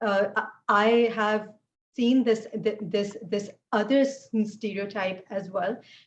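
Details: Adult woman who stutters; she says fasting and poor sleep take a toll on her speech; stuttering.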